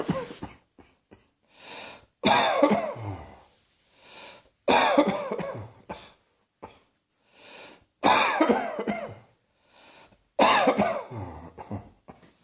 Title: Cross Dressing Coughing 117